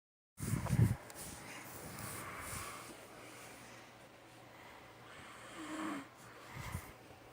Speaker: My husband's snoring for you.